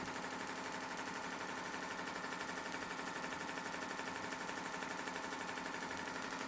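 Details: Rapid, regular clicking pulses, about four per second, continuing steadily: a shockwave therapy device firing during self-treatment for Achilles tendinitis/rotator cuff, held over tender areas, counting down toward 1,000 shots.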